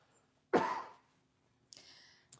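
One short, forceful cough from an adult, followed a moment later by a soft breathy exhale in a quiet room; a single cough.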